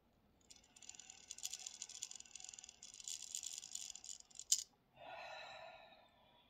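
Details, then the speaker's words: Incentive spirometer use on post-op day five after a 5-hour colon resection: slow steady inhalation with rattling airy hiss, keeping the disc steady, a click, then sigh-like exhale; done to prevent pneumonia. "so you're inhaling at a very specific set rate and you're supposed to keep it steady that's one of the main components of it and then increase the amount each day"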